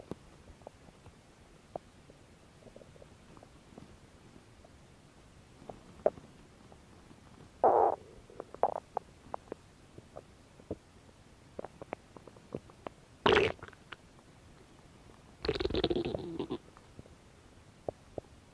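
Scattered gurgles and a few longer rumbling growls from the belly, ordinary bowel sounds.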